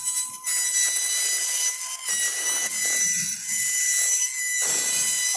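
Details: High-pitched whining drill in bursts with brief pauses while bone is drilled: a high-speed surgical drill opening a spinal joint during a spine course demonstration of pin-guided implant placement with bone graft.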